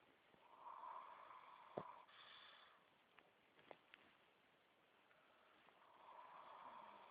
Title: snoring